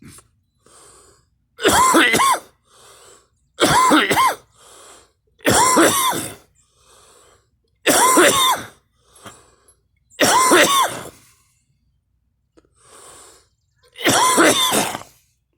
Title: me coughing and girl